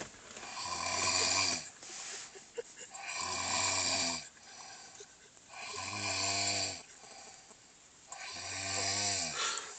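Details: Snoring: regular rattling snores on each breath in, about 23 a minute, with softer breaths out between; ordinary snoring.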